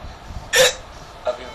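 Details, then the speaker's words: A boy with hiccups that have continued since the night before last, worse after eating cheese-burst pizza, stopping in sleep and returning on waking; one sharp hiccup, then a fainter catch in the breath. "परसों रात से लगातार आ रही है। सो रहे हैं तो बंद हो जा रही है, सुबह उठ रहे हैं तो फिर शुरू हो जा रही है।"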